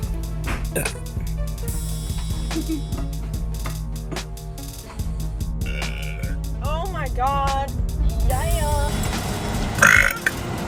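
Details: Woman burping during a burping contest: several loud, low, gurgling belches heard over background music.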